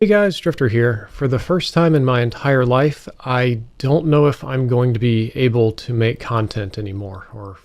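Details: Dysarthria from facial and jaw muscle weakness in a very young man whose joints are failing and weakening at an accelerating rate, spreading to the muscles around his jaw and eye, with progressive loss of his ability to speak.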